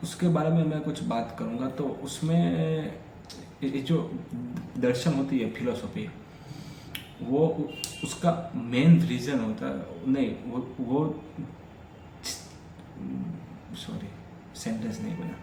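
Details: Adult man who stammers, speaking continuously as daily fluency practice: stammering.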